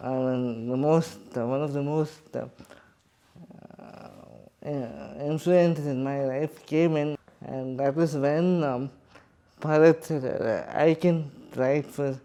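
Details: Adult man with cerebral palsy speaking in his own voice; dysarthria (cerebral palsy).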